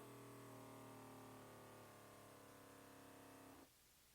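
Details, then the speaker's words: CAVN automatic upper-arm blood pressure monitor, adult seated upright, palm up: steady pump motor hum with faint pulsing as cuff inflates around bicep, then abrupt stop and quiet; reading came out normal. "Okay, you have to put your elbow on that switch for it to start up and now it's inflating the cuff. Okay, now it's it's tightening the cuff around my bicep."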